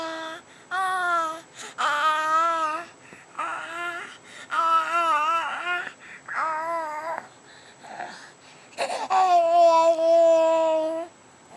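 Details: A baby born with vocal cord paralysis, whose nerves are slowly recovering after birth, babbles and coos in clear, tuneful voiced bursts: infant vocalization as the voice returns.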